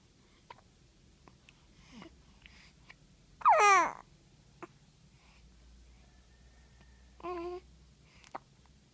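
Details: A baby, getting ready for a bath, gives soft, sharp hiccup clicks at irregular intervals, with two brief voiced baby sounds between them; hiccups.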